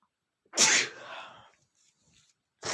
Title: make sneezing #21 (DAMN FLOWER ALLERGY !)